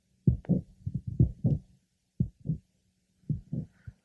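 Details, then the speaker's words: Mitral valve prolapse heard at the apex: a late apical systolic murmur starting after a clear pause following the first heart sound, with no systolic click. "our next patient has a late apical systolic murma no click is heard"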